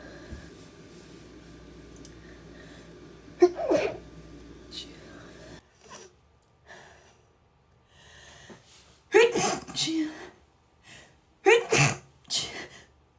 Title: girl sneeze